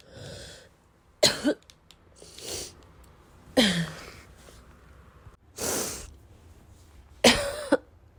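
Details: Acted wet, chesty cough: four loud, moist, rattly coughs with throat clearing, spaced a few seconds apart, as if coughing in bed next to someone.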